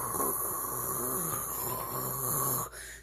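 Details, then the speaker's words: Vocal imitation of a steady rushing, hissing airflow with a wavering low rumble, mimicking the leak noise when a sleeping man's mouth opens while using a CPAP machine. "when you sleep with your CPAP machine on and then your mouth opens it sounds like this constant the good constant oh but sometimes if his mouth is open wider it'll be"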